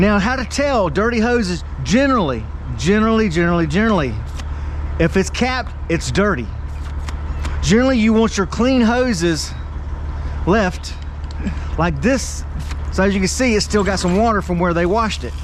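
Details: Male truck driver with Tourette syndrome, repeating a word several times; vocal tic (word repetition) in Tourette syndrome.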